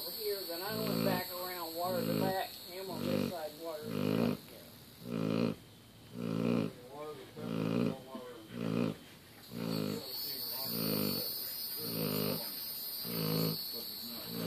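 Repeated rhythmic groaning, buzzing breath sounds with steady room hum: a large dog snoring in sleep.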